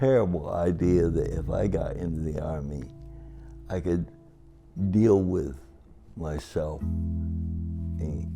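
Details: Adult man with cerebral palsy, described as talking and walking differently, married 57 years; dysarthria.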